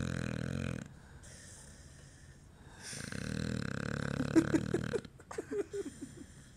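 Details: Irregular rumbling, fluttering snores with snorts and short squeaky noises toward the end from someone asleep in bed: snoring during sleep.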